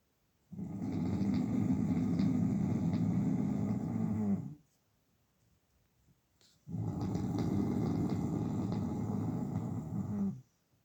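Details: A man snoring loudly: two long, rough, vibrating breaths of about four seconds each, with quiet pauses between; heavy snoring.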